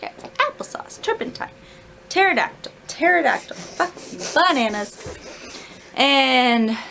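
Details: Vocal tics in an adult woman with self-described Tourette's-like tics, undiagnosed; a string of involuntary word tics including an obscenity.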